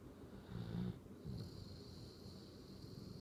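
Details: Someone snoozing and snoring like a bear: short, deep, rough snorting snores, one loud and one softer, with a faint high hum in the background.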